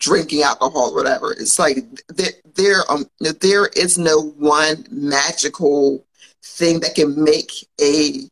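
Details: Adult woman who has stuttered since childhood and still stutters, mildly enough that many listeners would not notice; real, spontaneous speech during a podcast recording; stuttering.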